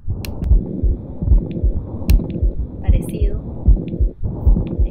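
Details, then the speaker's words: Six-year-old girl seen for abdominal pain with normal oxygen saturation: regular heartbeat about 76 a minute with a continuous whooshing holosystolic murmur at the lower left; an unclosed ventricular septal defect. "y bueno entre un solo sin tónico para este en el izquierdo abajo también corresponden una comunicación interventricular que no cerró"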